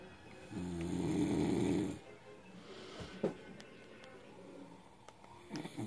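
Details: Husband asleep after drinking a lot of alcohol: one loud, low, rattling snore on a breath in, followed by quieter breathing; snoring.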